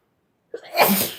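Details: Girl sneezing: a single sneeze, a short intake then a sharp, hissing burst of air.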